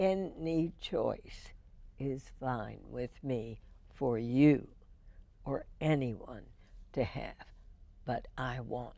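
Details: Spasmodic dysphonia in a woman, diagnosed in 1998, treated every four months with botulinum toxin injections into the vocal cords.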